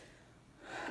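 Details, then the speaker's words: Adult imitating the whooping cough of pertussis (Bordetella pertussis): a rising, breathy gasp like a rooster's crow ending in a sharp cough burst, from struggling to breathe in after repeated coughing. "هو صوت الكحه بيبقى كده، زي كانك كده بتشهق شهقه الديك."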